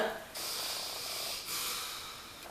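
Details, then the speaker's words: Nasal congestion from swollen sinuses in a woman at 20 weeks of her first pregnancy, breathing through her nostrils: strained, hissing, snorting breaths through a blocked nose. "that's what it sounds like when I try to breathe through my nostrils. Like, did you hear that? It's so pitiful."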